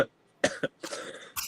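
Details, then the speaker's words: Cough from a sick adult, with throat clearing, while vaping: several short, harsh cough bursts with brief gaps between them. "Sorry, I sound like death. I am sick."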